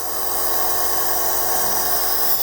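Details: Continuous buzzing motor whine and hiss of a home nebulizer's air compressor turning medicine into mist.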